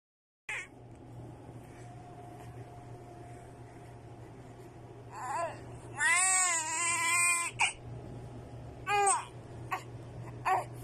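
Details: A baby crying: one longer wailing cry and a few brief fussy cries over a steady low room hum.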